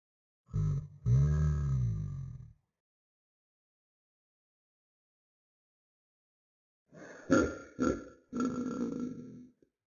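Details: Belch-like sounds from the animated game character Talking Ben (Talking Ben 2), played in slow 2x: two low, gurgling voiced bursts, a pause, then three more.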